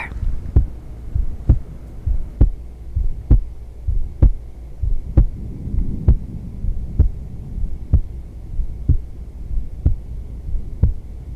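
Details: Woman's normal heartbeat recorded during yoga: regular, clear heart thumps at roughly 65 beats a minute over soft rustling.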